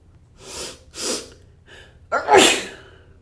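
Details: Escalating run of sneezes: two quick sneezes, a brief pause and a breath, then a louder, bigger third sneeze; sneezing.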